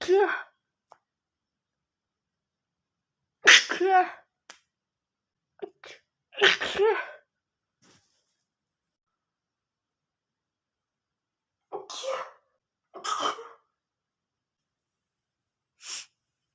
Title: cute girl sneezing